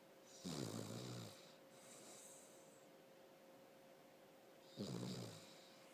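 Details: Snoring during sleep: two rumbling, buzzy snores on breathing in, about four seconds apart, with a soft hiss of breathing out between them and a steady background hum.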